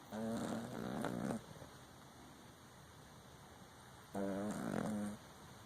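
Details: Exotic Shorthair Persian cat snoring in sleep: two drawn-out, rumbling, voiced snores about four seconds apart, with quiet room noise between them.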